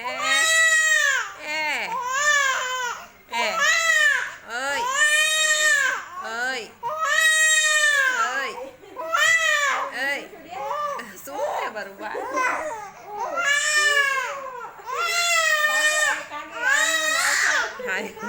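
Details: Baby crying with loud, rhythmic, high-pitched wails in repeated cries separated by brief breaths; a typical infant cry.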